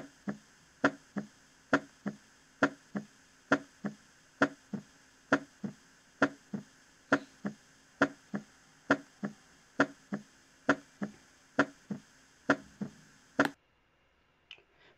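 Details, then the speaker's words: Teaching recording of physiological S2 splitting: regular heart sounds near 68 a minute, S2 heard as two components on inspiration and a single sound on expiration, a normal finding. "si algunos logran escuchar que hay momentos donde el s2 suena como dos componentes y en otros momentos donde el sello suena como un único componente"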